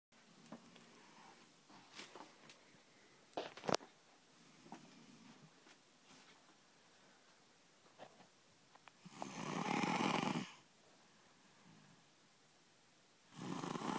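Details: Loud snoring: faint scattered noises, then two longer, louder, rough snoring breaths in a quiet room.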